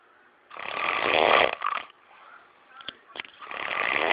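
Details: Loud, rough, rattling snore on breathing in, then a quieter breath out and brief snorts before the next snore; heavy snoring.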